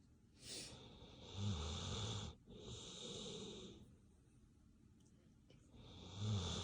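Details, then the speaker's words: Sleeping dog, possibly in REM sleep, snoring in a relaxing, sleep-inducing way: snoring. "Relaxing sounds of sleep. Doggy snoring is sleep inducing."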